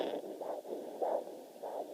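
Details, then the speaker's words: Maternal pulse on a fetal Doppler: slow, in contrast with the fetal heartbeat at about 155 beats a minute, which is faster. "Female, slow. So hopefully that'll give you a quick idea of how it works."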